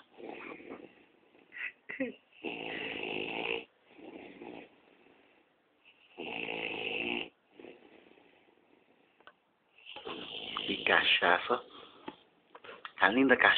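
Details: Two men, one the filmer's cousin, asleep and snoring loudly with irregular rattling in-breath snores, some overlapping, amid laughter; snoring.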